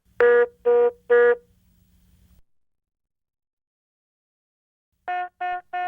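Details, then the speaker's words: HeartStart MRx monitor INOP alert for a device problem, such as a leads-off message: three short, evenly spaced electronic beeps, then a second set at a different pitch. "pinups indicate a device problem or error condition such as this leads off message and they appear in this cyan background and sound like this -"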